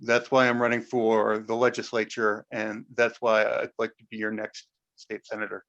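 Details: Adult man; Normal voice.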